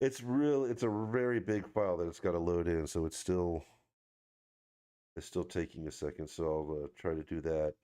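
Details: Adult male speaker; Ordinary fluent speech.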